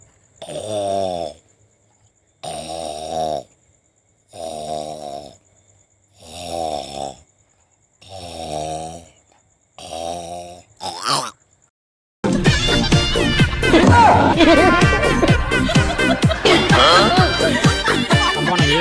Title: (Funny Video) Very snoring brother